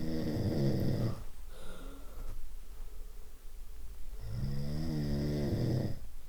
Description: Different types of snoring.